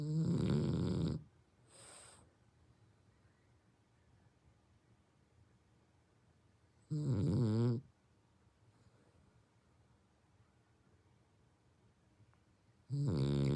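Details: Brindle French bulldog snoring heavily, likened to an old man's snore: loud, rough, rumbling snores about every six seconds, roughly 9 a minute, with quiet pauses between; heavy snoring in a flat-faced dog.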